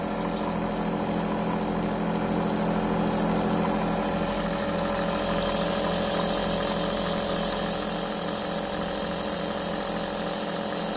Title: ASMR white noise Aerosol nebulizer for relaxation